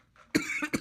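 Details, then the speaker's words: Adult man, still ill from the past week, says his coughs are dry and feel like air is sucked from his lungs: a brief intake of breath, then two short, harsh cough bursts with no mucus rattle; dry cough. "fake news okay so I'm getting edited cough I'm getting these coughs where they're dry and the only reason I'm coughing is because it feels like oh last one uh last one that I'll leave in the show anyway"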